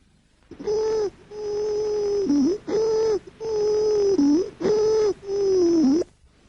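Repeated harsh, high-pitched, musical breath sounds with brief pauses between them, mainly on breathing in: laryngeal stridor from upper airway narrowing.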